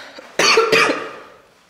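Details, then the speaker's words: Two quick, harsh, slightly throaty cough bursts from an adult woman after a gym workout, who says her lungs feel tight, in a quiet small room. "I keep coughing the sound of my lungs are tight"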